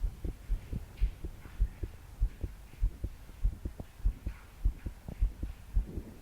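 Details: 22-year-old female's forceful, racing pounding heartbeat (palpitations) at about 100 beats a minute, body shaking with each beat, recorded while trying to calm down to sleep after deep breaths failed; soft breathing with heavy rain behind.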